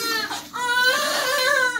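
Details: Loud, tonal, steady and strong newborn cry with a brief catch of breath while being bathed in hospital after normal delivery; ordinary newborn crying.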